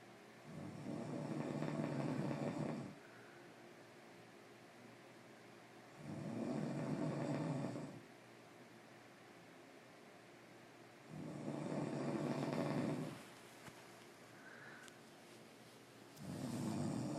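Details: Grandmother snoring in sleep: slow, regular rumbling snores on each breath, about 13 a minute, with quiet pauses between.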